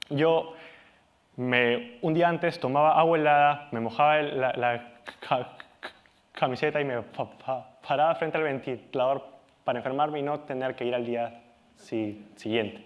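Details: Adult Peruvian male, Spanish speaker, stuttering since age 4, still stutters and has come to accept it; stuttering.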